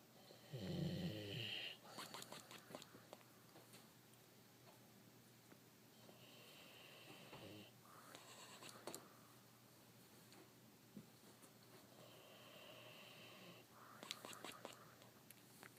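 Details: Giant Doberman snoring while not even fully asleep: loud, rough snoring over several breath cycles with some whistling, against quiet room noise.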